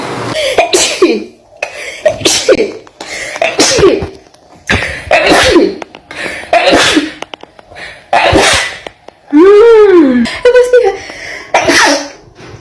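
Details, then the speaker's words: Young woman sneezing: about nine forceful sneezes in quick succession, several with a loud vocal burst, plus a short voiced cry partway through. "Why this always makes me sneeze? Watch this."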